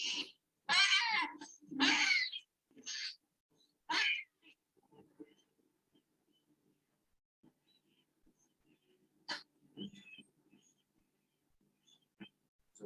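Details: Harsh, high-pitched, squeaky noisy breathing in a neonate: biphasic stridor from severe, highly obstructive airway lesions, in the context of laryngeal stenosis and intubation.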